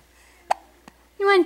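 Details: An infant girl has hiccups: two short, sharp hiccup sounds, then a brief high-pitched vocal sound from the baby. Hiccups.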